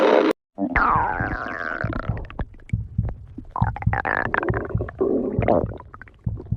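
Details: Stomach growling (borborygmi): loud gurgling, groaning growls with rising and falling tones and bubbly pops, typical of normal bowel sounds.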